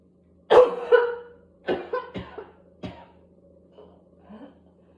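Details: Person with whooping cough: a spell of harsh coughs in quick bursts, strong at first then weaker, in a coughing spasm that leads to gagging, spitting and vomiting; paroxysmal cough.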